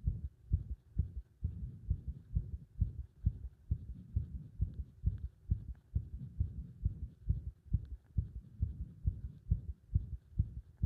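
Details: Heart sounds recorded close to the chest, described as a pressing feeling in the heart with an arrhythmia that seems to stop: dull thumps in an uneven rhythm with occasional longer pauses between beats.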